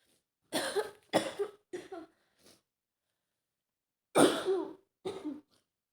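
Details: Female with a mild cold (runny nose, sore throat, sneezing): a run of short, dry coughs and throat clearing, a pause, then two more coughs.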